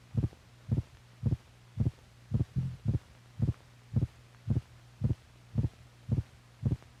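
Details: Heart sounds from a film for doctors correlating heart motion with sound: regular, dull thumps at about 110 a minute over a steady low hum.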